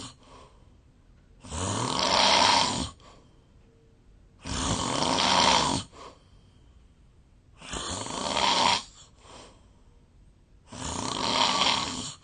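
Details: Real sleep recording of a Japanese adult made years ago, who wonders about a long-standing sleep disorder: loud, harsh, rattling snores on each breath in, about four in twelve seconds, quiet exhalations between; heavy snoring.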